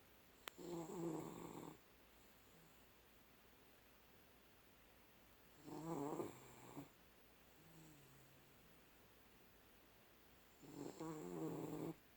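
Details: Dog snoring loudly: three rattling, low snores about 12 a minute, each roughly a second long, with quiet pauses between and steady room hiss.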